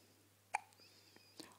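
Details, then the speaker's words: Young child with hiccups: two brief, sharp hiccup catches in a quiet room with a low hum. "Got the hiccups, buddy?"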